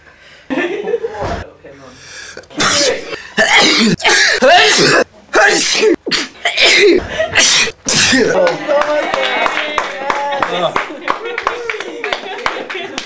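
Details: Several loud, sudden sneezes with sharp expulsive bursts, apparently provoked by putting things in the nose, with laughter, cheering and applause in the background; sneezing.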